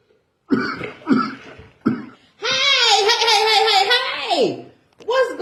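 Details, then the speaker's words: Acted coworker coughing in a short comedy skit: three short, forceful coughs, then a long drawn-out voiced groan and another burst of coughs in a small room. "um finally you're not because you doing too too too much coughing over there you need to back on away from me because you spreading germs"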